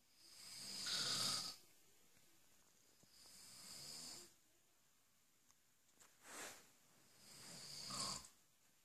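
Slow breaths with harsh, hissing, whistly snores on each inhalation, about three cycles in nine seconds.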